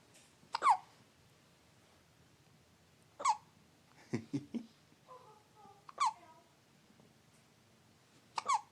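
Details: Baby who gets hiccups every time she eats: four short, sharp hiccups roughly every two and a half seconds in a quiet room, with soft baby sounds between them.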